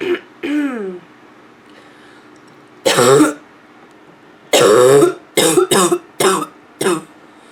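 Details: Female with nonstop barking cough: several harsh, hoarse cough bursts in quick succession, some with raspy throat-clearing quality.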